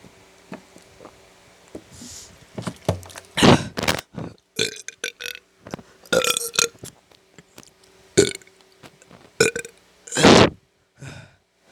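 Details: Repeated burping at night: a series of loud, throaty burps of varying length over a quiet room background.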